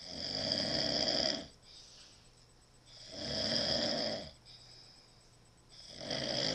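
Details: Loud snoring, reportedly with a cigarette in the mouth: harsh, buzzing breaths repeating steadily about every three seconds, roughly 20 breaths a minute, with quieter gaps between them.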